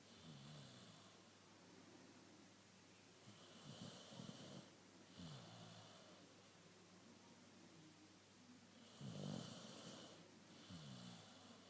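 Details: Snoring in a sleeping dog: soft snorting breath sounds, roughly five in twelve seconds, against steady room hiss; quiet snoring.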